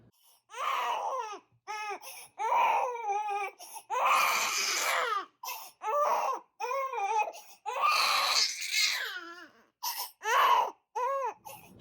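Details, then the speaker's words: 3-month-old baby girl crying with repeated rising and falling wails and pauses for breath; she has been fussy and crying a lot this past month and calms when held, bounced or rocked while standing. "she's crying and being pretty fussy this past month oh so she's crying a lot recently"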